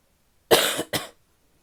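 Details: Female coughing: two harsh, forceful cough bursts in quick succession, the second shorter.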